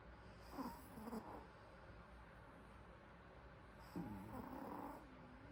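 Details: Sleeping Pomeranian dog snoring: two soft, whistly snoring breaths over background hiss.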